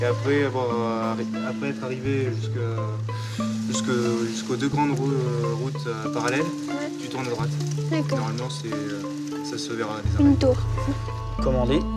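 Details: Stuttering in an 11-year-old boy, present since early childhood (about age 6); speech laborious; parents' treatment attempts so far unsuccessful; real footage.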